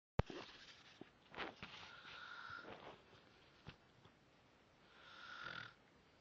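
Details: Unknown person snoring, recorded on a phone: two soft, whistling, nasal-toned snoring breaths separated by quiet breathing and a few clicks; ordinary snoring.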